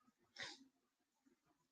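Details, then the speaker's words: A sleeping pit bull dog snores right in front of the microphone, giving a single rough, snorting breath with faint room noise around it. "can you hear veto snoring he's snoring right in front of the microphone"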